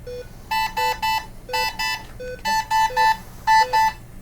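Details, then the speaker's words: Repeating electronic alarm tones in bursts of two or three high beeps with a lower tone between, from an ECMO console as a 64-year-old man on VV ECLS comes back up on flow after an oxygenator change; staff silence it. "The patient recovered nicely. Silence that alarm for us."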